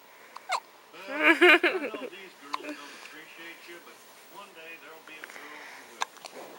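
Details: A baby girl hiccuping after being fed: a brief cry, then short, sharp, separate catches with soft vocal sounds between them, fitting infant hiccups.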